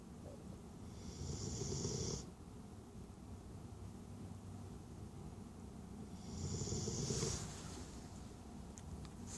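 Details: Two long, low rumbling snores about 5 seconds apart over a steady background hum; snoring.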